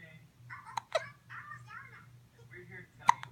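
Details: Young child with hiccups: soft babbling broken by two or three sudden, sharp, short catches of breath.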